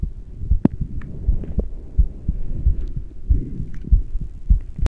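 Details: Steady, regular low heart thumps at about 90 beats a minute with a faint hum, recorded while rebreathing into a plastic bag through a straw after about ten minutes of intermittent rebreathing; heartbeat.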